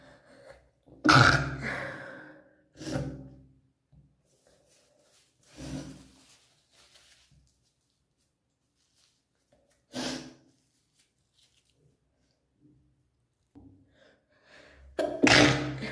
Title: Sneeze stifled (girl)